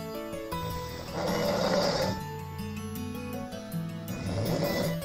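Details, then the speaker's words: Son, age 6, with severe snoring loud enough to hear from the living room, with parental worry about sleep apnea; loud snoring sounds. "평소 아들의 심한 코골이 롱 제작진에게 sos 를 보낸 6세의 60 씨 우리 아들이 코골이가 굉장히 심한 되어 거실에서 까지 다 들려요"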